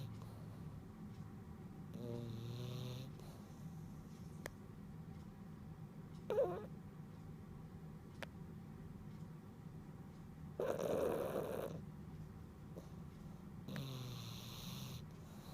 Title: Snoring? I don't snore.